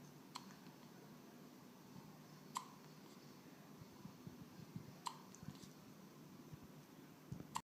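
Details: A female keeps getting the hiccups, heard as repeated hiccups.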